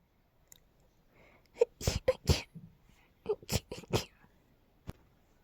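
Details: A rapid run of about six high-pitched sneezes, each with a short in-breath before it, from a girl in a quiet room, blamed on pollen; a sneezing fit.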